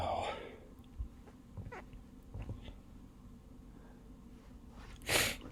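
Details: Adult's deliberately induced sneeze: soft breathy sounds and a brief voiced onset, then a loud sneeze burst near the end.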